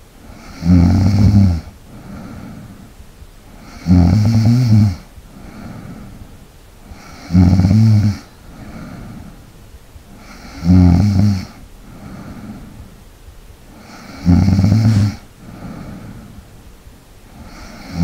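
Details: ASMR snoring recording for relaxation: loud, low, rattling snores on each in-breath, about 18 a minute, with quiet out-breaths between them; ordinary sleep snoring.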